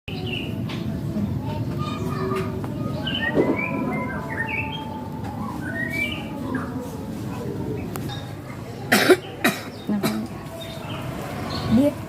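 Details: Acted cough in a Year 5 school advert for a cough syrup for productive cough.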